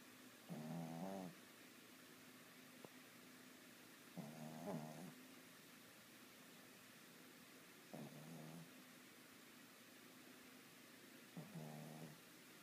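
Four rough, low rattling snores, one with each in-breath, roughly every 3.5 to 4 seconds (about 16 a minute), with quiet pauses between them.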